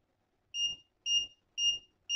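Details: JZK-301 Jziki fingertip pulse oximeter beeping with each heartbeat: short, evenly spaced electronic beeps at about 115 a minute.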